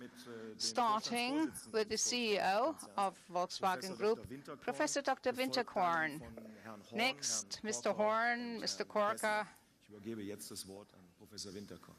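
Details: Adult speaker at a public event; Normal voice.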